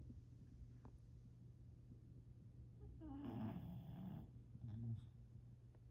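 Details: Sleeping animal: quiet low rumbling with a louder snoring snort midway, over steady room hum. Snoring.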